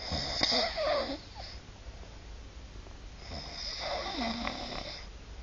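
Two loud, rattling, whistling snores about three seconds apart, with softer breathing between them: loud snoring.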